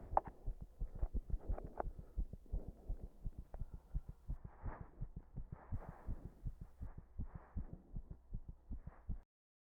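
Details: Heart sounds with arrhythmia brought on by chest compression: low heart thumps with uneven spacing and varying strength, irregular rhythm.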